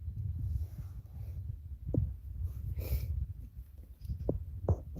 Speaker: Oh my God, can you hear my stomach rumbling?